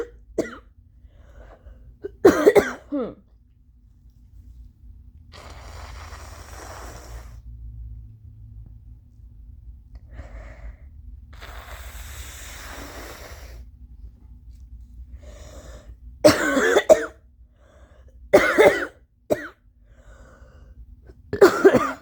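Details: Adult with allergies: several loose, wet, phlegmy productive cough bursts separated by long stretches of noisy nose-blowing.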